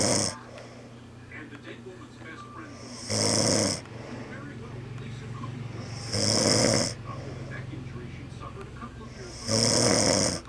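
Loud, harsh snores about every three to four seconds, near 18 a minute, with quieter breathing between them.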